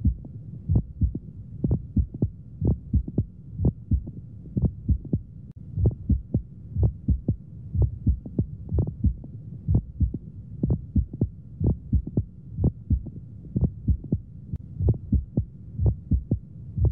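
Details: Hamman's sign heard on auscultation over the precordial area in pneumomediastinum, with a double-pericardium X-ray sign: crunching, crackling sound synchronous with the heartbeat; mediastinal crunch.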